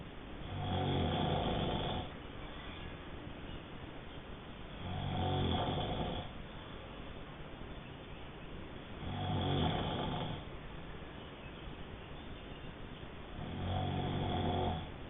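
Four loud, rough, low snores at about 14 a minute, with quieter breathing between them. Typical snoring.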